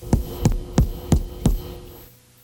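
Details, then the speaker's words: Four short, dull, low thuds from chest-wall percussion with little ringing after each tap; a dull percussion note, meaning reduced or absent air in the alveoli, as in pleural effusion or lung consolidation. "mas isso correspondem a diminuição ou desaparecimento da sonoridade pulmonar que ocorre quando há uma redução ou ausência de ar nos alvéolos"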